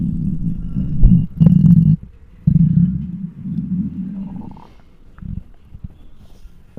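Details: Loud, long, deep growling rumbles with brief pauses, then softer gurgles, recorded with a microphone on a very hungry belly: hunger bowel sounds (borborygmi).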